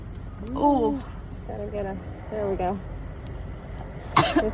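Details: Girl undergoing a Covid-19 nasal swab test: rising voiced sounds, then a sudden sharp sneeze set off by the swab, over outdoor traffic noise.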